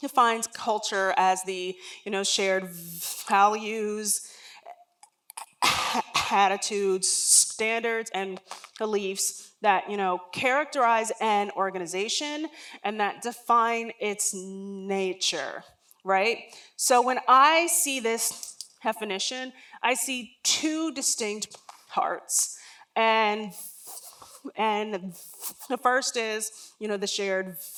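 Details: Adult woman, a lifelong stutterer whose stutter began around age three and was never outgrown, speaking during a talk; real, not acted: stuttering.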